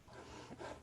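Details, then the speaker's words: An adult speaker coughs, one or two brief harsh bursts with faint room noise; they call it nothing serious, more hay fever than anything. "Hearing, excuse me, you'll hear I have a bit of a cough. It's nothing serious, more hay fever than anything."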